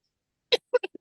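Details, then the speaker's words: An adult podcast speaker starts coughing mid-conversation while talking about money and energetics, and apologises for the coughing; cough. "I just want to talk about the fact that I've just started coughing on that"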